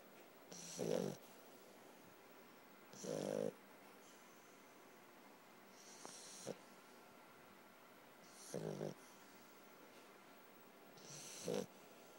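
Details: Sleeping puppy snoring: five short, snorting snores over twelve seconds, each a brief rattle on the in-breath, in a quiet room.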